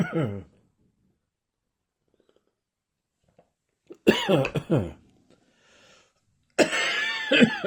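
Three separated bouts of deep, voiced adult coughing with a thick, slightly phlegmy throat quality.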